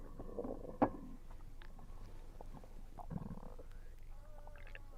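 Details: Low gurgling and rumbling stomach sounds while eating, attributed to low air pressure, with a few squeaky bubbling notes over faint background hiss; ordinary bowel sounds.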